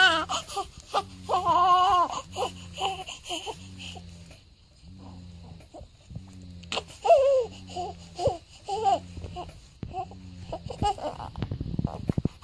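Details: A 7-day-old newborn baby crying: infant cry.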